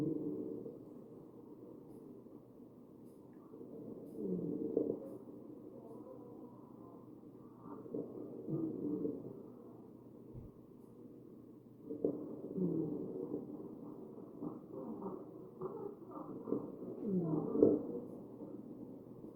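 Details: Wheezing over the chest of a real, mechanically ventilated patient: muffled ventilator breaths at about 13 per minute carry rough musical whistling from narrowed airways.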